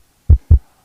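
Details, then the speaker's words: Two low heart sounds, each followed by a brief rough trailing noise, played as examples of two different types of heart murmur after a normal heartbeat; heart murmur. "esto es un soplo y Este es otro tipo de soplo"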